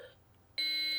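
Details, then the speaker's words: Healthcare-provider BLS training demonstration of an AED on a child, pads on the right upper chest and left mid-axillary line: after "Shock advised. Charging. Everyone stand clear," a sudden steady high-pitched tone; AED charging tone. "Shock advised. Charging. Everyone stand clear."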